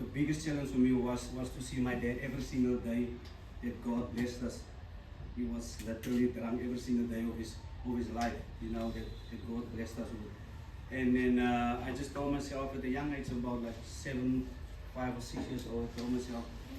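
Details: Stuttering in an adult man, a former rugby sevens player, who says he still stutters and that his stutter was very severe as a child.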